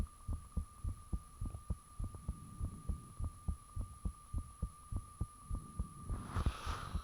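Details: Loud heartbeat self-recorded with the fan off, shortly after the heart started feeling really thumpy: strong regular thumping at about 100 beats a minute, with a steady hum behind it and a brief rustle near the end.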